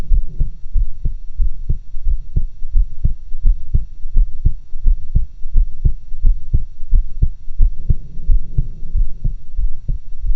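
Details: Own heart sounds recorded in quasi-stereo using two stethoscopes: steady low lub-dub heartbeat at about 85 beats a minute with faint background hum; normal heart sounds.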